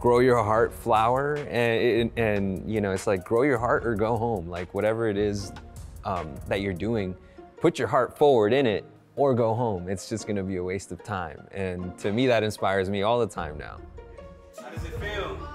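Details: Adult male speaker; ordinary speech.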